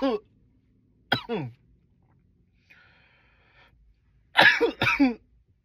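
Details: Several loud, sharp coughs in short groups with pauses between them, in a quiet room.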